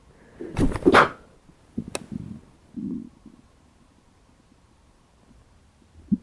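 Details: Hunger stomach growling (borborygmi) after about 12 hours without eating: low gurgling rumbles in a few short bursts, then quiet.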